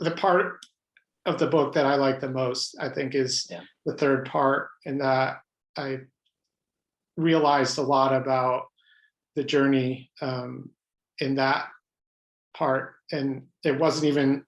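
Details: Adult man with lifelong stuttering, pattern mostly blocks, who reports hundreds of different ways he stutters, speaking spontaneously in a real interview; stuttering with blocks.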